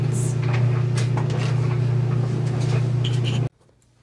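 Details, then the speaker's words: Ultrasonic plaque remover (bought online) on a 9-year-old female husky's teeth: a steady low vibrating buzz with light scraping clicks against the teeth, faint music, then an abrupt stop as build-up is removed. "this is the ultrasonic plaque remover that I got an Amazon for about thirty dollars and it just vibrates and helps remove the build-up"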